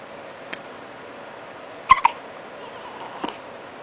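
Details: Baby boy with hiccups: three or four small, sharp hiccup sounds in a quiet room, two close together; infant hiccups.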